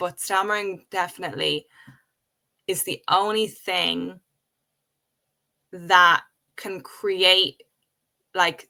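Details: Adult woman who has stuttered since age five, speaking in a real conversation; stuttering.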